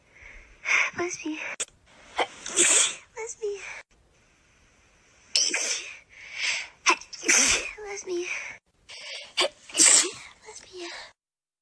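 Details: Compilation of TikTok clips: a run of sharp, explosive sneezes with quick breaths between them from more than one person; ordinary sneezing.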